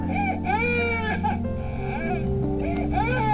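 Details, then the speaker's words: Simulated infant crying: a recorded baby cry played through a speaker hidden in a car's front seat beside a reborn doll, with rising and falling wails over steady background music. "So, we decide to give it a little help and hide a speaker in the front seat playing the sound of a baby crying."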